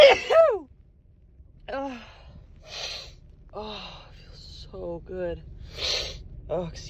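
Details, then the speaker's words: Repeated sharp inward gasps with rising voiced catches and breathy bursts from a woman with a cold, the build-up breaths before satisfying sneezes. "me oh fake me out oh it felt so good sneezing for this cold bruh wow excuse me"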